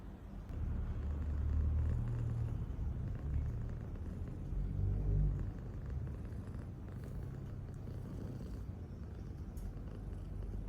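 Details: Sleeping cat snoring.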